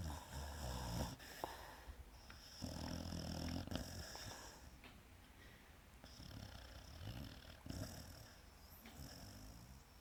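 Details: Loud snoring from a sleeping Pit Bull dog.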